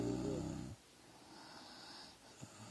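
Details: A woman snoring: one low, buzzing snore on a breath in, then a quiet pause; ordinary snoring.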